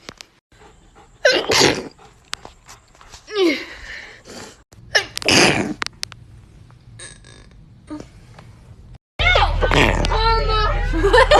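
Several sharp explosive sneezes in a row, each with a quick breath in, then loud noisy sound at the end; repeated sneezing.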